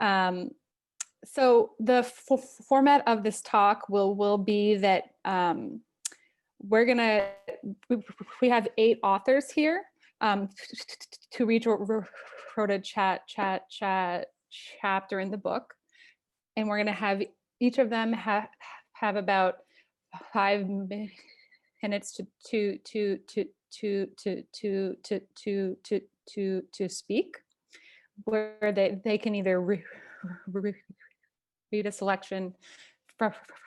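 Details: Stuttering in a person who stutters hosting a stuttering community event, with part-word and whole-word repetitions.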